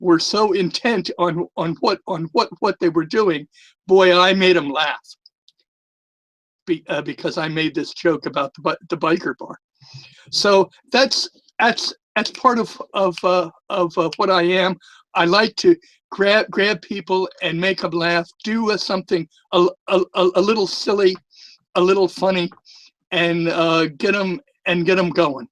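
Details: Stuttering for years, with a self-reported lisp, in a retired male former social worker; he says it is more noticeable with the microphone close to his mouth.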